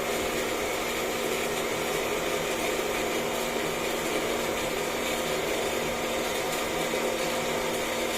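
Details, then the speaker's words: Newly replaced vacuum pump motor of a BMT Sterivap 6612 autoclave running while steam enters and load current is checked, about 9.4–9.8 A: steady loud mechanical roar with constant hum, normal operation. "Tingan natin yung running niya Ayan guys so hindi pa si nag-e ng running kasi nga nagpapapasok pa ng Steam so nagbabago-bago pa yung andar ng pump so antayin nating mag stabilize guys"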